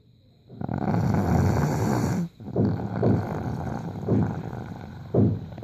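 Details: Loud, rattling, low throat snores during sleep when very tired, one long and several shorter; snoring.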